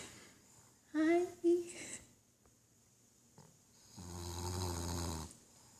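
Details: Loud irregular snoring from a sleeping pet with tongue out: short rattling snorts then a long low buzzing snore.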